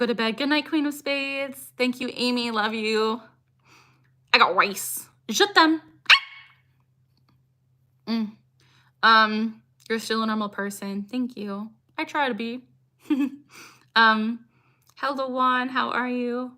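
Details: Woman, 26, with Tourette syndrome diagnosed at 12, tics since about age 3 or 4, producing her frequent phrase tic "I got rice", present about six years; tics increase when discussing Tourette's; vocal tic (Tourette syndrome).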